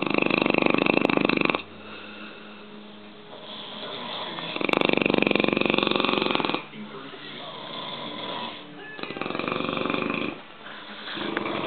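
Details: Two Italian sleepers snoring at night: loud rattling snores about every four to five seconds, with the quieter second snorer filling the gaps.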